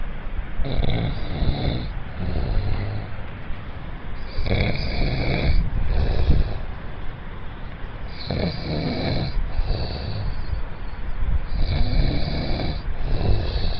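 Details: An adult man snores heavily: loud, rough, rattling snores on each breath in and softer noisy breaths out, about four cycles at roughly 17 breaths a minute.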